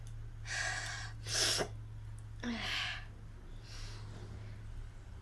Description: Nose blowing and sneezing challenge.